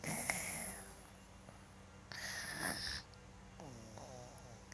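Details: Son asleep, recorded by father: irregular raspy snorts and a whistling, wheezy nasal breath sound; child snoring.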